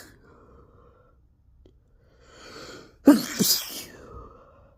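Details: Pepper-induced sneeze, which burned: a rising indrawn breath, then one forceful sneeze with a brief trailing exhale in a quiet room.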